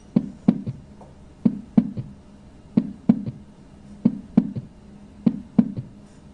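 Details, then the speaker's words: S3 gallop: slow heartbeat, about 47 a minute, with a softer, lower-pitched third sound right after S2 ("lub dub da", "slosh-ing in" pattern); a new S3 indicates fluid backing up. "okay you hear how it's a softer sound that occurs after S2 softer lower pitch sound but right after S2 and it's got that pattern of Love du da slashing in slashing in"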